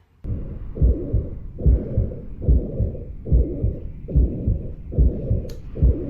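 Regular heartbeat about 72 a minute with a continuous blowing murmur filling the gap between beats: tricuspid regurgitation.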